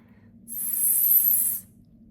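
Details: Speech-language pathologist modelling a correct /s/ sound, with the tongue just behind the upper front teeth on the alveolar ridge, lips in a slight smile, and air blown gently out the centre of the mouth; correct /s/ sound production.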